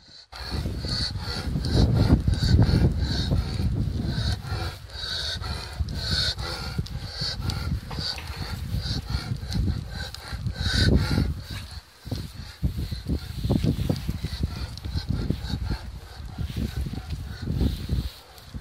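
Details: Dog with laryngeal paralysis: loud, harsh, rasping inspiratory breathing with a whistling edge, i.e. inspiratory stridor.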